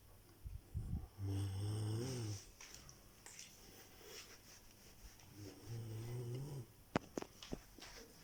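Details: Two deep, rumbling snoring breaths about four seconds apart, with soft breathing and a few clicks between; snoring.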